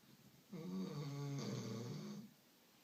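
One long, rattling, tonal snore from a sleeping dog in a quiet room.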